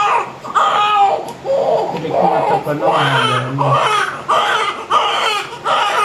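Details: Loud, repeated crying bursts from a newborn girl just after a normal, smooth vaginal delivery, with voices in the room; a normal first cry.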